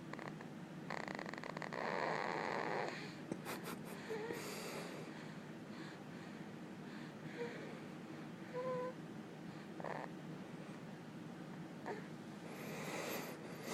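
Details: Girl snoring in her sleep, making loud, rough, uneven, rattly snoring and snorting noises over steady room noise.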